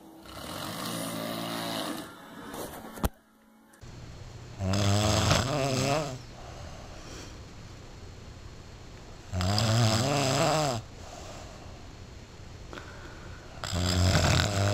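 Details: Loud, rattling snores on each in-breath, about 13 a minute, quiet out-breaths between; snoring from vibrating throat tissues.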